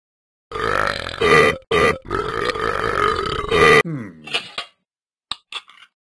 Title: Talking Ben burping